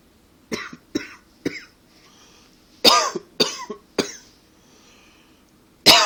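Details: Persistent tickle-type dry cough in repeated short clusters, about eight bursts with quiet gaps, not a true coughing fit; attributed to allergies and partly to smoking.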